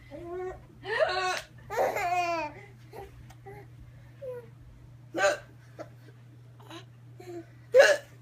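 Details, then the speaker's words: Baby with hiccups: brief, abrupt voiced catches recurring every few seconds, mixed with babbling. "Is the baby having a hiccup?"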